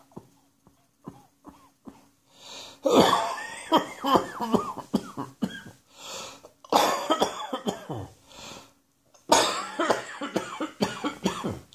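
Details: Spring allergy cough in an adult: three bouts of harsh, repeated coughing.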